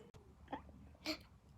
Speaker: oh my God I have my hicups oh my God it's so annoying